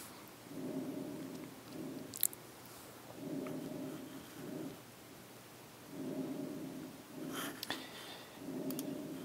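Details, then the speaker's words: Diminished, harsh breath sounds over a pleural effusion: quiet, muffled breaths in regular cycles at about 22 a minute, breath sounds reduced by fluid surrounding the lung. "So let's hear how it sounds to have a diminished harsh breathing sound."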